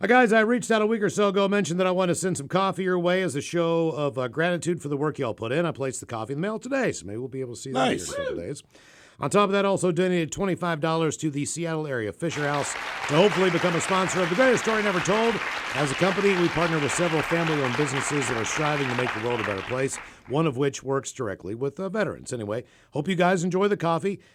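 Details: Adult man reading aloud; ordinary speech.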